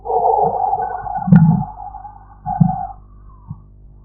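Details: Korotkoff sounds in a blood pressure practice recording: a few soft, low thumps over a steady humming background as a sphygmomanometer cuff deflates.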